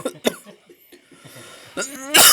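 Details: Acted coughing after drinking bitter sugarless coffee late at night: two short, sharp cough bursts, then a strained vocal sound and a harsh burst.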